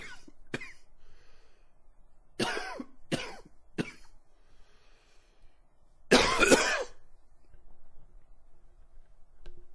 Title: coughing 8